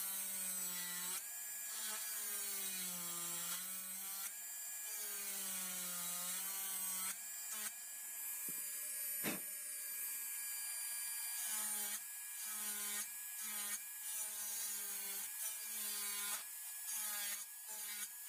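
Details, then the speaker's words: Dental high-speed drill cutting occlusal reduction of a cusp with firm finger rest on a typodont mandibular first molar (tooth 36) for a full veneer crown: steady high-pitched whine dipping under load, short strokes with brief pauses. "If you are not having a finger rest, the handpiece is rotating at a high speed, so it might bounce away from the tooth, and your preparation will not be too good."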